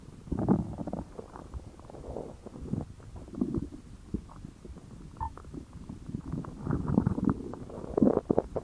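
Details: Stomach growling (borborygmi): repeated low gurgling growls and rumbles that swell and fade over several seconds.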